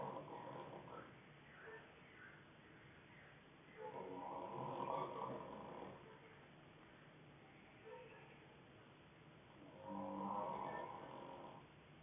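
Rough, rattling breaths in slow cycles about 6 seconds apart, with low muffled noise between them. Snoring.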